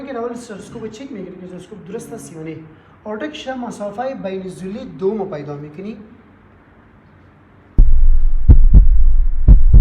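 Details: Normal heart sounds.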